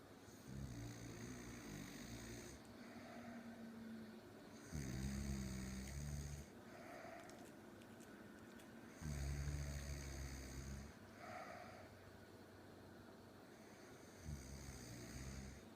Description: While watching tv tonight, I caught my mom snoring.